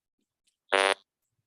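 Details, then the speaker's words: Electrolarynx mode-indicator tone: a "whoop whoop" signal showing the device has entered whisper mode, mode six. "And I should have started this out with mode one. I apologize, but um that is a whoop whoop. That means we're in whisper mode."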